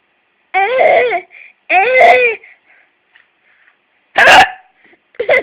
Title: Funny/Sad Hiccups